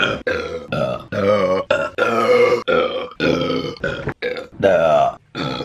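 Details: Woman burping during mukbang eating videos, compilation: a long run of about eleven loud, drawn-out voiced belches in quick succession; repeated burping.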